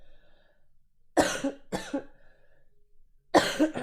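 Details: Three harsh coughs, the first two close together, in a quiet room with faint background sound, from a livestreamer who is sick with a sore throat.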